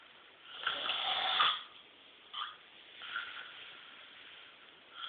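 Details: Chronic snoring, with possible tonsillar hypertrophy queried: a long rough snore on breathing in, followed by fainter noisy breaths during sleep.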